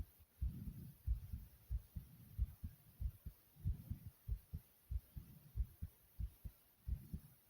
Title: Thumping Fast Heartbeat Sound ❤❤❤